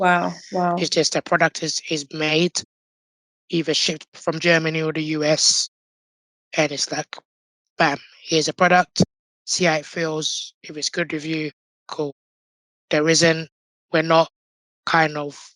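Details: Adult man born six months premature with undeveloped airways, given emergency surgery at birth and living with a tracheostomy tube; prematurity heavily impacted his vocal cords; tracheostomy voice.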